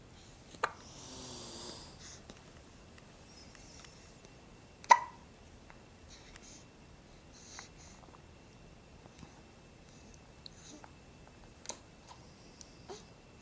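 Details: Four-week-old infant with hiccups: several sharp, brief hiccup sounds spaced seconds apart in a quiet room; ordinary infant hiccups.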